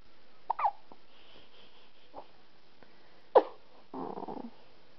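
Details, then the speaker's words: Someone with hiccups at midnight near bedtime: a few short, squeaky, abrupt catches spaced irregularly over several seconds. "It's midnight. Somebody has the hiccups."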